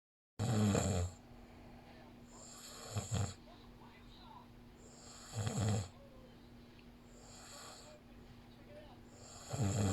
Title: Snore pa more!